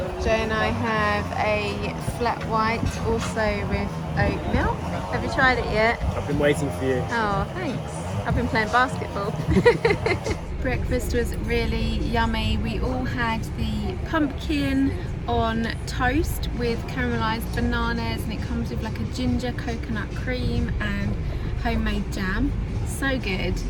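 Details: Adult speakers, casual conversation; normal speech.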